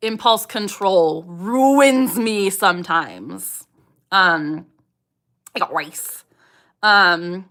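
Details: 27-year-old woman with Tourette syndrome, speech interrupted by the recurring vocal tic "I got rice" during a real livestream; Tourette syndrome vocal tic.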